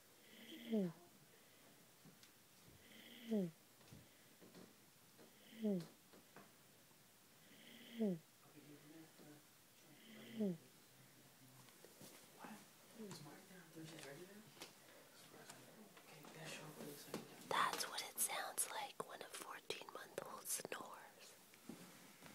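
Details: 14-month-old toddler snoring while asleep, in regular, slightly tonal bursts at about 25 breaths a minute.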